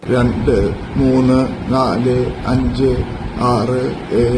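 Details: Adult male with adductor spasmodic dysphonia, where adductor throat muscles spasm and voice fails; main complaint was voice change; recorded counting in Telugu after Botox injection to relax the muscles; adductor spasmodic dysphonia after Botox injection.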